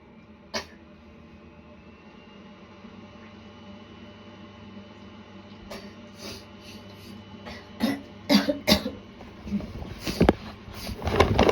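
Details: Start of a cold with sore throat and gagging, recorded two days before it worsened: steady background hum, then a cluster of short coughs and throat clearing toward the end; still a mild cough.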